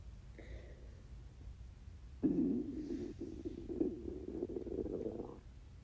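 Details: Low, drawn-out gurgling stomach growls from an empty stomach during a 24-hour fast; hunger rumbling.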